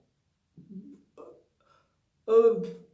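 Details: Imitation of dysarthria (slurred speech) by a woman with myasthenia gravis, progressed from ocular myasthenia gravis, showing a sudden episode when her jaw wasn't working and she couldn't pronounce words; recently hospitalized about three weeks.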